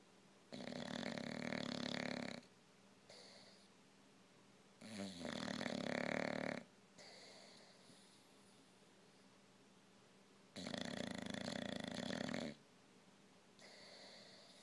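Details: Older English bulldog snoring, louder with age: loud, rough, rattling snores lasting about two seconds each, with quieter breaths between; noisy flat-faced upper airway.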